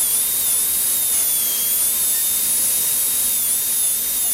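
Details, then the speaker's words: High-speed dental handpiece with small torpedo-shaped diamond reducing about half a millimeter of lingual enamel on a maxillary anterior tooth for a 3-unit bridge preparation: continuous high-pitched whine. "it's a small torpedo shaped diamond that is used for reducing the lingual surface and I carefully roll in this along the lingual surface about a half a millimeter of this lingual anillo can be removed"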